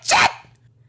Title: انواع العطسات |types of sneezing